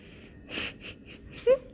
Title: Newborn has the hiccups Ⅰ Special Care Nursery